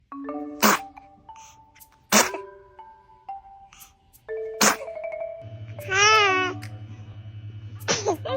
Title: Cute baby sneezing 🤣🤣🤣#youtube #funny #funnyvideos #baby #funnybaby #fun #cutebaby